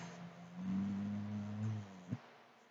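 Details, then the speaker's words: Boxer dog snoring in the background: a low, buzzing, droning breath swells and fades over about a second, followed by a soft thump. "do y'all hear Abby God I hope you'll hear her anyway sorry she's a boxer she snores"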